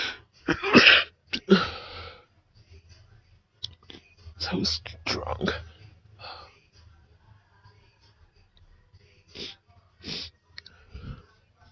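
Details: Sneezing fit induced by sniffing chhinkni powder: several sharp, explosive sneezes in quick succession with brief pauses and soft breathing; induced sneezing.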